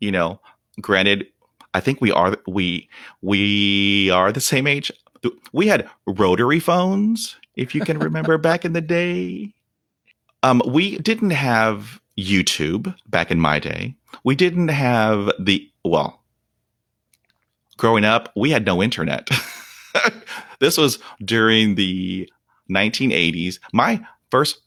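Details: Real, unedited speech of a 48-year-old man who has stuttered for 43 years. Onset was at age five, when shock/trauma from a dog attack left him at 0% fluency. He reports blocks without breathing, trouble with S, H and P sounds, and facial tics. Stuttering.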